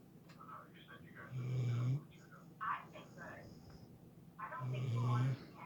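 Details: 5-year-old red-nose Pitbull asleep in bed: deep, rattling snores with soft snorts and breaths between, falling back asleep instantly; dog snoring.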